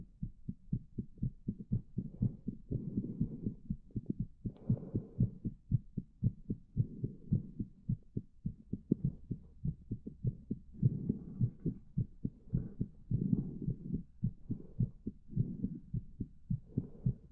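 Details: Steady, low thumping heartbeat at about 105 beats a minute, a little fast.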